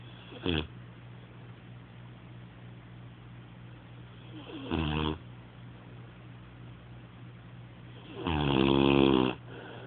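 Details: Rocko snoring: three loud, rattling snores on the in-breath, separated by quiet stretches, over a steady low room hum.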